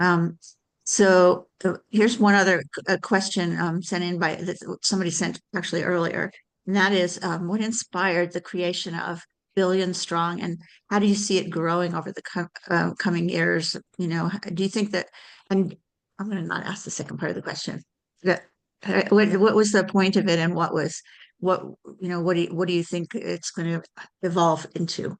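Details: Adult speaker; normal conversational speech.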